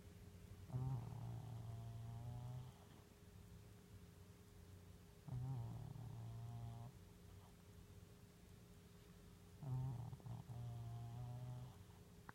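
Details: Three low, buzzing snores from a sleeping cat, one about every four to five seconds (about 14 breaths a minute), with quiet pauses between: snoring.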